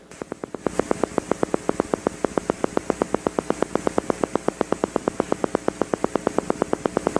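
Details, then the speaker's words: Needle EMG teaching example: steady, evenly spaced sharp crackling pops at about eight to nine per second; a single motor unit firing, normal up to about ten hertz; normal motor unit recruitment. "the ratio doesn't hold true for the first unit it holds true when you have two units so you can have one unit firing up to about ten Hertz and that'd be normal"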